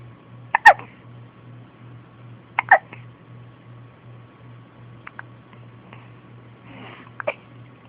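Repeated sudden 'hic' sounds, about 29 a minute, somewhat irregular, over a low steady hum: hiccups.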